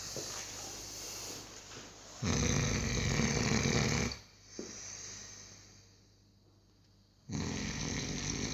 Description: Here's my 6 month old Cane Corso snoring on the couch